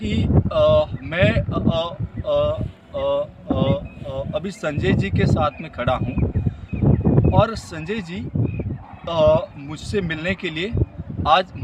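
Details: Adult man who stammers demonstrating in-block correction, using prolongation to come out of a block while speaking Hindi; stuttering.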